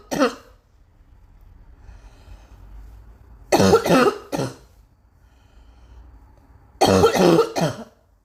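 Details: Person with ongoing cough, saying "ow" repeatedly as if in pain: about seven harsh, explosive coughs in three bouts over eight seconds with quiet pauses between; persistent cough.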